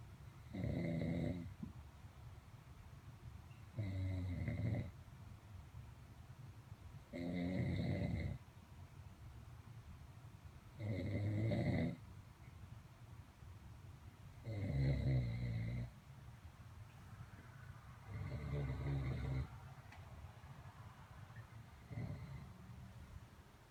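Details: Regular low rattling snores at about 17 per minute, each on a breath in, in a quiet room at night; snoring.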